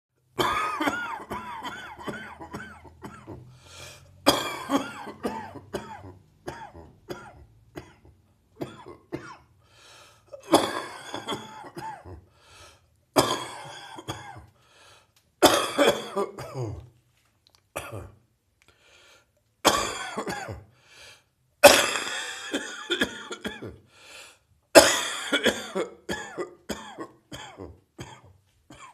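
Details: Adult morning cough after a chest cold: repeated forceful cough bouts, about eight episodes. Post-viral cough.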